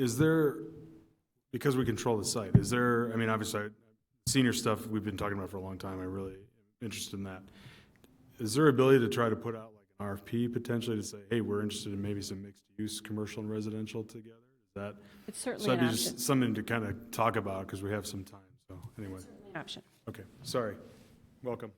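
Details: Adult male speaker; Normal speech.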